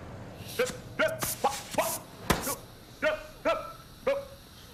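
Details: Actor portraying a male teacher with Tourette syndrome making involuntary noises, which he says ease when he is relaxed and do not occur in sleep; vocal tics.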